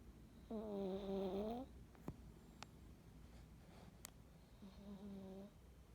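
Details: Snoring during an afternoon nap: soft, whistling, tonal snores about four seconds apart over faint room noise; light snoring.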